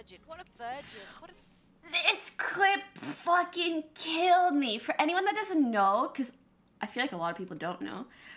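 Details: Adult woman speaking; normal speech.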